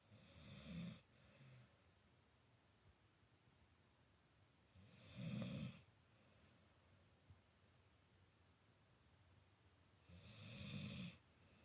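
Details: Dog snoring during sleep next to a cat: loud, rough snores roughly every five seconds, about 11 per minute, with quiet gaps; ordinary snoring.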